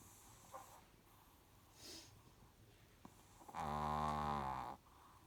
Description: Chihuahua Mum with pups snoring 😴